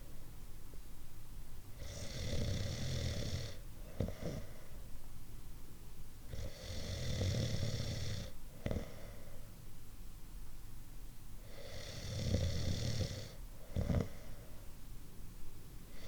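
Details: Snoring, one of several types of snoring: loud rasping snores on each in-breath about every five seconds, each followed by a short puffing out-breath, in a quiet room.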